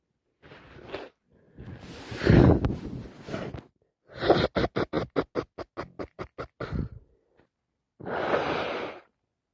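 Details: Person with a head cold sneezing about 6 times a minute: loud, wet sneezes with runs of rapid hitching breaths and nose blowing between them; constant sneezing.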